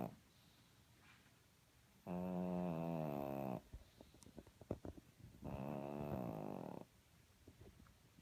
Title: Snoring Kitty Kat